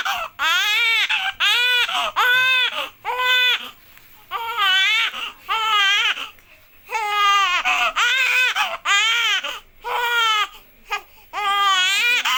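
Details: Baby boy aged 2 months or younger crying: loud, rhythmic bursts with clear pitched wails and brief breaths between; typical vigorous crying of a young infant.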